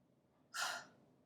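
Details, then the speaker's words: Huff at medium lung volume: after a medium breath in, with an O-shaped open mouth, open throat, relaxed upper chest and shoulders and stomach muscles pushing the air out, one breathy unvoiced forced exhalation is heard, with no cough; forced expiration technique for airway clearance. "so take a medium breath in make an O shape with your mouth keep the back of your throat open relax your upper chest and shoulders and just use your stomach muscles to push the area"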